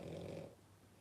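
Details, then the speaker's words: A single low, rumbling snore from a sleeping Boston Terrier dog born October 2019, trailing off into quiet room noise; ordinary snoring. "okay oh yes he's snoring Barbara"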